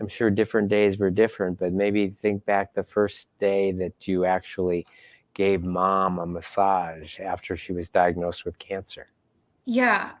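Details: Adult speaker; no voice disorder.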